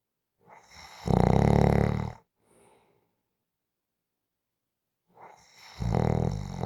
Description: 5 minute clip of snoring. Just for Fun to rewind, relax